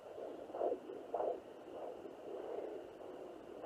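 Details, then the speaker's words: Home fetal Doppler, second mode, with ultrasound jelly: slow, soft whooshing pulses through hiss, the mother's own heartbeat mistaken for the baby's, much slower than fetal rate. "all right so I just took a little break because I thought I had found the baby's heartbeat right away that was mine"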